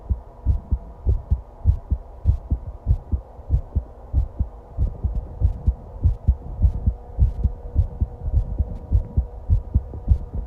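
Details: A person's own heartbeat recorded while lying down and breathing, with stomach growling noted and the heart described as pounding and excited: a steady low thumping at about 100 beats a minute over a faint hum, quick but regular.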